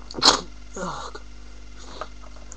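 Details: Sneeze from a person with a cold, congested and in a second sneezing fit: a single sharp, hissing burst of air followed by a softer breathy sound.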